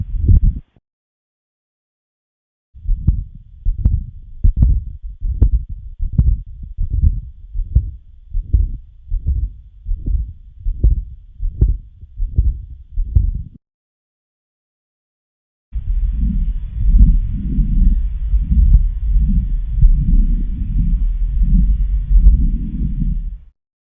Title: Patent Ductus Arteriosus| Patent Ductus Arteriosus Murmur Sound| Heart Sound